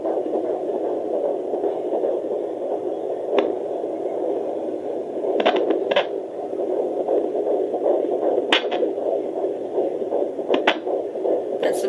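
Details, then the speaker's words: A fetal heartbeat on an at-home handheld Doppler, applied with lotion on the abdomen, gives a rapid, steady whooshing at about 147–148 beats per minute, said to be normal while the baby is relaxed. "heartbeat kick speeding oh he's not telling me 148 147 so it's about 140 it's normal babies kind of relaxed right now very normal"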